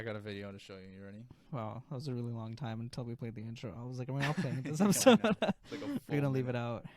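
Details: Adult male speaker; typical speech.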